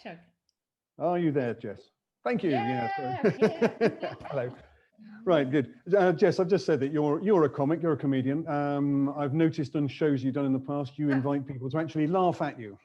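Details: Adult male; normal speech.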